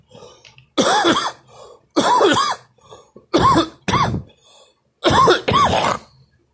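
Repeated loud, voiced coughs come in short clusters, with quiet breaths and pauses between them.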